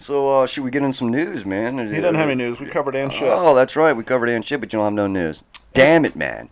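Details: Adult male speakers, casual conversation; normal speech.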